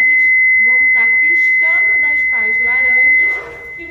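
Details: Steady high continuous tone under a person talking: the charged, ready-to-shock signal of a Philips Efficia DFM100 biphasic defibrillator during staff training, held up to 30 seconds before disarming.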